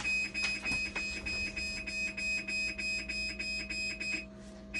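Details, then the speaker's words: Dialysis machine air detector alarm: rapid repeating high electronic alarm tones, about three per second. "detector problem. Yan. Air detector problem. Calibrate lang to."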